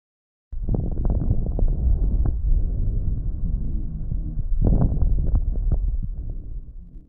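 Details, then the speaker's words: Patient with pulmonary tuberculosis: stethoscope lung sounds with loud, low-pitched, longer bubbling pops scattered through breathing; coarse crackles. "has a discontinuing brief popping lung sound that is loud low in pitch and longer in duration compared to fine crackle sound and it is also described as bubbling sound"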